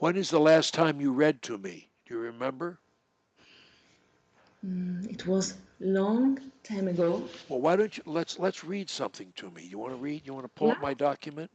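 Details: Adult man; typical speech.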